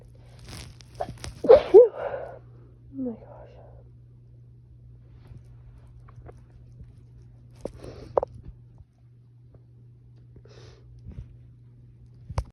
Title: I can’t stop sneezing :( | Allergies ~ spring Sneeze fit (F)